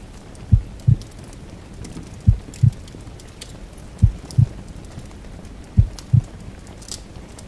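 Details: Slow, regular paired heart thumps, about 34 beats a minute, under steady heavy rain and crackling fireplace; a relaxing ambience mix.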